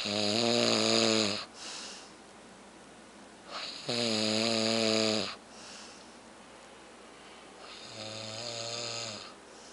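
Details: Man snoring heavily in sleep: three loud, buzzing, drawn-out snores on the in-breath with quieter out-breaths, about 15 breaths a minute.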